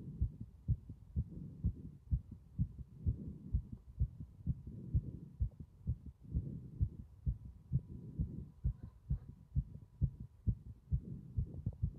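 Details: Strong heart sounds throughout: a steady heartbeat at roughly 65 beats a minute, with low whooshing between beats.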